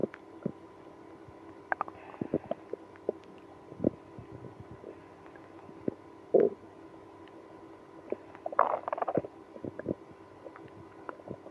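Scattered gurgles and brief rumbling bursts over a quiet background, with a longer growl near the end; stomach growling from active bowel sounds.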